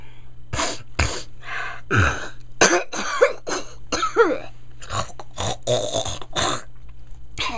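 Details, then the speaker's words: Comedic imitation by an adult of a boyfriend's habitual throat clearing: a long string of about a dozen harsh, rasping throat clears in quick succession. "yeah it sounds like this whole throat clearing thing is uh you know an assertion of his dominance"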